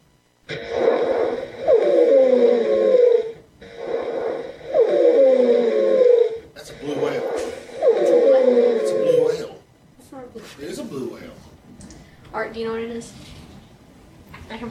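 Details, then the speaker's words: Simulated, deliberately exaggerated example played in a patient-assessment presentation: three breaths with loud, musical whistling falling in pitch, a wheeze from narrowed airways. "how much sounds like wheezing but if it is yes these are just some examples of what it sounds like and they're really over exaggerated but it helps to give you a good idea what they sound like"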